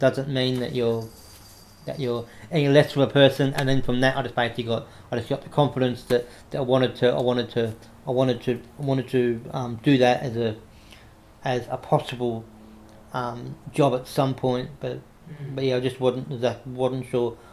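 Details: Adult man with cerebral palsy after severe meningitis in infancy, affecting right arm and leg; self-described mild stutter he controls by calming down, with audible word and phrase repetitions; stuttering.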